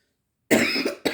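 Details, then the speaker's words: Short, harsh cough then a second brief cough burst from an adult woman who says she recently developed a cough and sounds a little out of breath and hoarse. "Excuse me if I sound a little bit out of breath or horsey. I kind [clears throat] of developed a little bit of a cough, but I took something."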